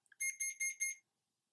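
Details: CADD Legacy PCA infusion pump being programmed (continuous rate, on-demand bolus doses, confirmed with Enter): a short high-pitched electronic beep repeated four times in a quiet room, confirming keypad entries.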